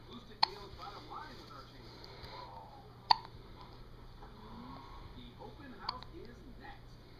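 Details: Baby with hiccups: three sharp, brief hiccup clicks a few seconds apart over quiet room noise.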